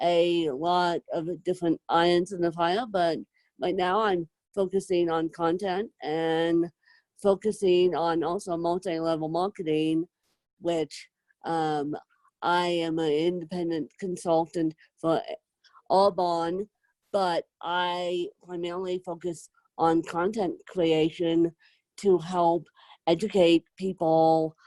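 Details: Adult woman with moderate to severe cerebral palsy, needing help 24/7; dysarthria with cerebral palsy.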